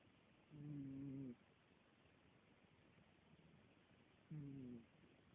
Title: snores